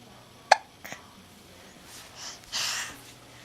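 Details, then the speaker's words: Infant with ordinary hiccups, seemingly amused by them: one sharp hiccup, then a fainter one, followed by soft breathy vocal sounds. "Somebody's got the hiccups."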